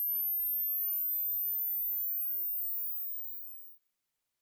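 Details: Online hearing screening test: a faint, very high pure tone slowly rising in pitch, then fading out; a hearing test tone sweep.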